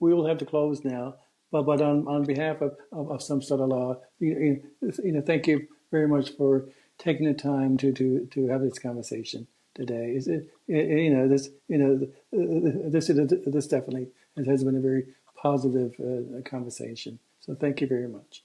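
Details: Male podcast co-host who stutters, with repeated words and phrases heard; stuttering.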